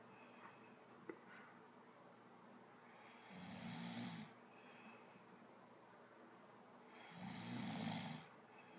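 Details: Snoring during sleep: two low, rattling snores on breathing in, about 15 breaths a minute, with soft room noise between.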